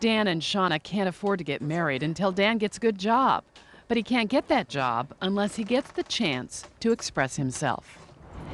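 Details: Adult male narrator; typical speech.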